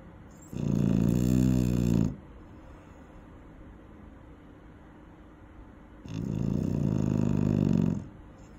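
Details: Eight-month-old pet Saffron sleeping near a safety barrier, giving a loud snoring sound.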